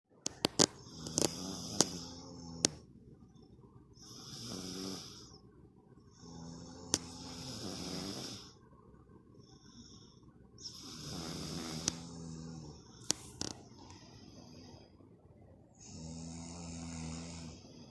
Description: Father and daughter snore! I feel like they're the buzzing bees in a great large flower field.